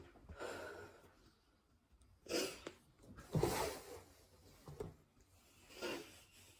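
Several breathy bursts with sniffs between them, fitting repeated sneezing during a cold, in a quiet small room.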